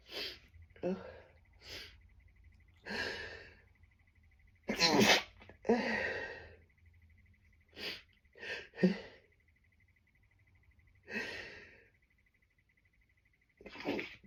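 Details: Run of about nine sneezes, some stifled and muffled, others bursting out forcefully, with quick breaths between; stifling worsened the tickle; sneezing attributed to tree pollen allergy and worsening.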